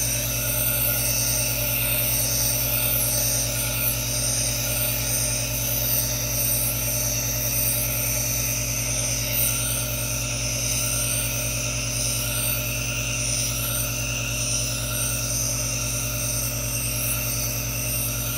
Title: ASMR white noise aerosol nebulizer for relaxation | NO TALKING